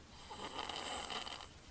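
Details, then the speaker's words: Sleeping child heard while holding his breath, then a single rough, rattling breath; mouth-breathing, not congested, later gasping for air: snoring. "okay this is a picture of holding his breath right now he's snoring"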